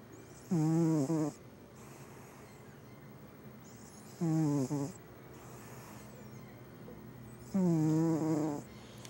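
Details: Cat snoring: three loud, buzzing snores on the in-breath about every 3.5 seconds, with softer breathing between.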